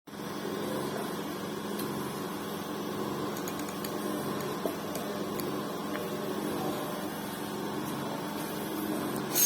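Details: Steady mechanical hum with light clicks and no distinct breath cycles from a running Galileo Gold ventilator during a basic working demonstration: mechanical ventilator operating sound.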